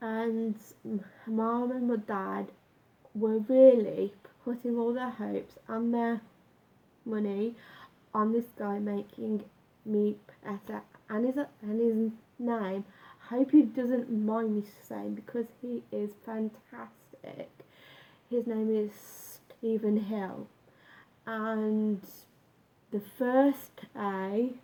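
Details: Adult male with lifelong stammer, onset about age nine, much worse in youth, now self-described as slight and managed with a breathing technique; stuttering (stammer).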